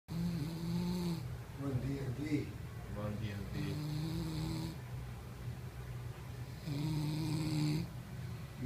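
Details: Loud, low rattling snores from a man asleep at his bachelor party, with voices talking in the room over them.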